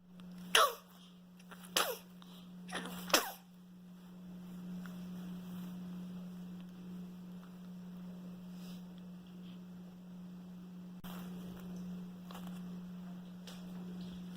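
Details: Newborn baby's first sneezes: three small, brief sneezes in the first few seconds, then quiet with a steady low room hum.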